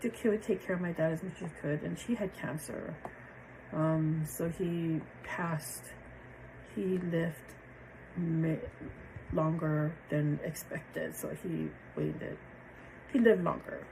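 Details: Adult woman with aphasia after a stroke on January 8, 2023, initially with impaired comprehension, reading, word finding and number recall, since much improved; aphasia.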